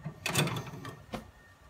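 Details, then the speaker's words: A few soft clicks and a short mechanical clack as the packs button and start are pressed on an autoclave control panel to begin a sterilization cycle. "by pressing the tax button right here and start and that's how you operate maintain an autoclave machine"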